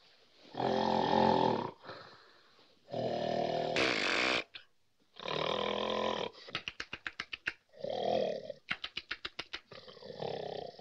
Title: La Grande Vadrouille 1966 ( scène des ronflements )